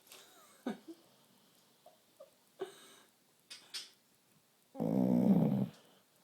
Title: snoring